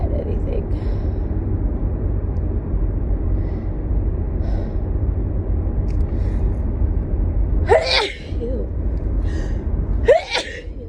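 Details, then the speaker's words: Two forceful sneezes a couple of seconds apart over steady car rumble, recorded while driving home; adult with a cold, very congested, sore throat, having a sneeze fit. "But on my way home, and I could feel a sneeze fit coming on, so I figured I would record and see if we could"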